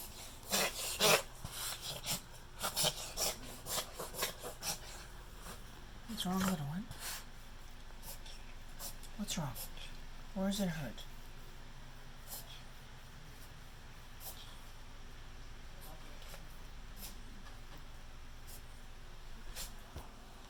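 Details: Two short bouts of harsh, snorting inward breaths from a pet; reverse sneezing.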